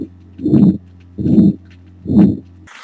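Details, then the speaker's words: Congenital ventricular septal defect recorded at the fourth left intercostal space beside the sternum: harsh, rough systolic murmur drowning the heart sounds at about 70 a minute; played from a vinyl record. "interventricular septal defect recorded in the fourth intercostal space on the left side of the St the H sounds are drowned in a rough systolic"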